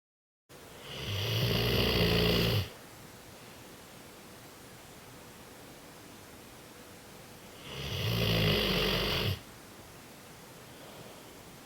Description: French Mastiff Sophie sleeping & snoring